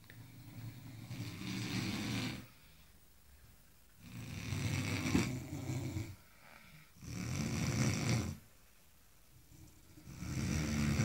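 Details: Engineers napping after a tiring day: loud, rough, rattling snores with quiet pauses between, about 21 breaths a minute; ordinary snoring.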